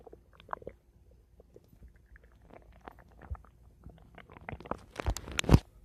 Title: My Stomach Making Noise 2